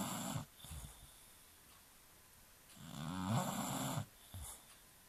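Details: Sleeping British Bulldog: loud, rough rattling breaths, with two long snoring noises separated by quiet gaps; snoring.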